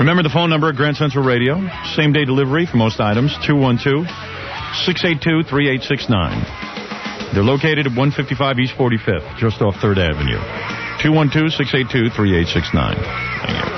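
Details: Adult male speaker, broadcast recording; typical speech.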